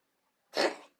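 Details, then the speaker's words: Cough in a pet cat, owner unsure whether it is ill: a single short, harsh, forced burst of air. "Nih. Si Tayo lagi batuk."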